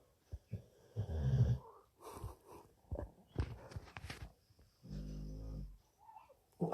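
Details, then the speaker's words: Low, buzzy rumbling breaths with a longer vibrating snore near the end from a sleeping small dog; snoring. "can you hear him snoring snoring away"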